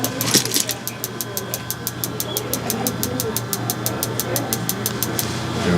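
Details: Rapid regular sharp clicking pulses, several per second, over a low hum: focused shockwave therapy device treating a patient in a chiropractic clinic, near the end of the session.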